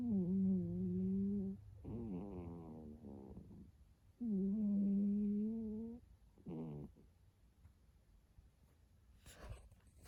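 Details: Loud droning, almost humming snores from a sleeping pet, two long and several shorter bursts with quiet gaps between: snoring.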